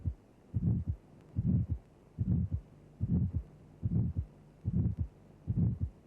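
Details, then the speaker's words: Simulated heartbeat near 73 a minute: a harsh ejection systolic murmur with a triangular envelope, rising to a peak then falling rapidly, before the second heart sound; aortic stenosis. "The murmur has a triangular sound envelope increasing to a peak intensity, then decreasing rapidly. Now listen carefully to the second heart sound immediately after the murmur."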